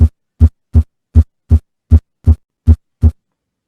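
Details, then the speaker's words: Simulated normal sinus rhythm played from an app in a physiology class, stethoscope at sixth intercostal space midclavicular line: nine steady low beats about 80 per minute; normal heart sounds. "entonces aquí ponemos el estetoscopio y escuchamos justamente esto pongamos atención un poquito si es la representación del ciclo cardíaco"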